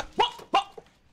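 Two sharp, bark-like vocal bursts, acted as the barking vocal tic of Tourette syndrome.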